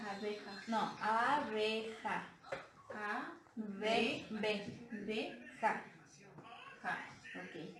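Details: Woman naming letters in a therapy exercise, repeating after the therapist when needed, one year after a stroke causing mixed transcortical aphasia with impaired comprehension and expression; mixed transcortical aphasia.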